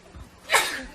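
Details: A single sharp, breathy sneeze with a quick intake before it, from a compilation of K-pop idols sneezing.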